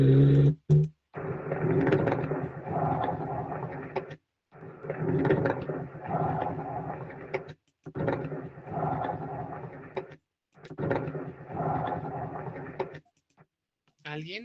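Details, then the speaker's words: Lung-sound recording played for exam auscultation practice: four breath sounds with low, coarse bubbling crackles through each phase, like blowing through a straw into water, coarse (subcrepitant) crackles with larger bubbles. "Ya, en un momento les voy a dar el cómo diferencia los crepitantes y los subcrepitantes, pero en este caso sí es subcrepitantes porque la burbuja es más amplia, más grande."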